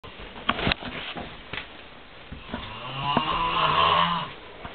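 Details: Person snoring like a cow; loud, rough snoring with a drawn-out low rattling breath and a few snorts, recorded close up in a small room.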